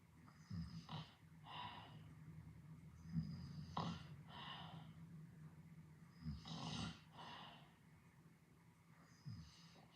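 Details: Edited snoring effect: low rumbling snores in repeated cycles, each followed by a softer breathy exhale, over steady room hum, snoring during sleep.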